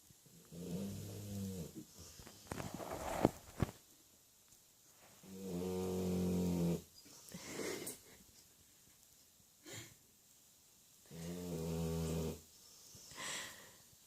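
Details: Labrador dog Bella snoring: three long, low, rumbling in-breath snores, each about a second and a half, with quieter wheezy out-breaths between.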